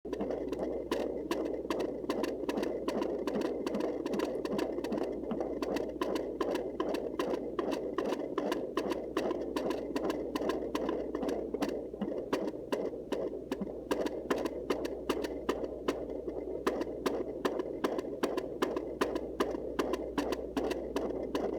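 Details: Rapid, regular whooshing fetal heartbeat at about 150 per minute, recorded at home with a Sonoline C fetal Doppler.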